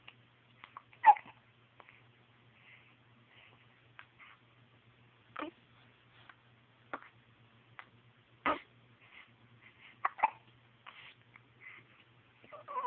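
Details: Baby with hiccups: repeated short, abrupt catching sounds at irregular intervals, about six in thirteen seconds, over faint background hum.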